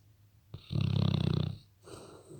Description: Just a Labrador snoring